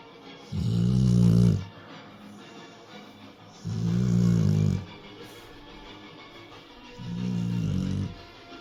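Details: Sleeping female Rottweiler snoring over opera music: three long, low, rumbling breaths about three seconds apart, roughly 19 a minute.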